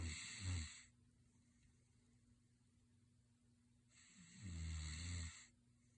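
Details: Dog snoring while asleep: two low, rattling snores on in-breaths about four seconds apart, with a steady hum between them.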